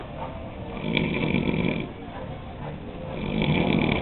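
Low, rumbling, steady snoring that rises and falls with each breath; ordinary snoring.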